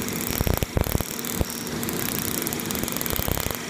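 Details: Halo hybrid fractional laser, second facial treatment on a woman, covering 22.5% toward 25% of a face section, feeling like pinpricks: steady mechanical hum with rapid rhythmic clicking pulses.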